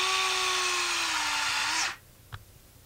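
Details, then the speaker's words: EZ-IO intraosseous power drill: steady high motor whine about two seconds then abrupt stop as the needle goes into bone with light consistent pressure until it reaches marrow and a release is felt; nursing educator demonstration. "it's going straight in to the bone with um a consistent pressure a light pressure until the needle is into the marrow and you feel a release"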